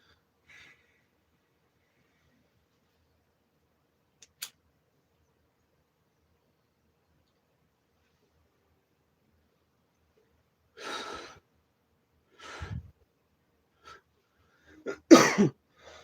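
A few short, rough bursts of cough from an adult, separated by long quiet stretches.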